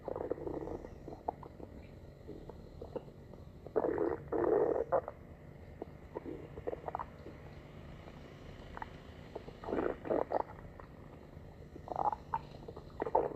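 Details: Stomach growling: soft, intermittent gurgles and low bubbling rumbles over quiet background hiss; ordinary borborygmi.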